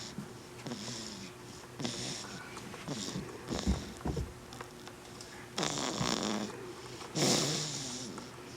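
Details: Just over one month old, snoring: repeated noisy breaths with a rough, fluttering quality over several cycles, with a faint steady hum in the room.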